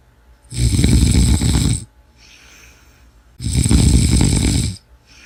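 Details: Two loud, rough, rattling snores on breathing in, each over a second long, with quiet breathing out between them; loud snoring.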